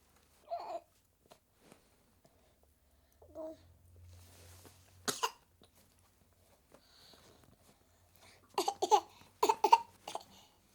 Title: 7 month old baby girl, feeling unwell, with coughing